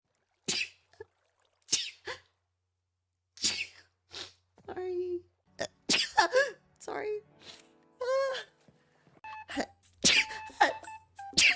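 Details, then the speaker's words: Several sharp, explosive sneezes from a person who suspects allergies and apologizes between them, mixed with brief vocal sounds and faint background music; sneeze. "sorry about that sorry about that i think i have allergies sorry about that"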